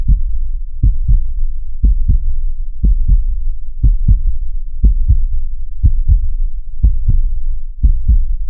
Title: heart sound 60 bpm 2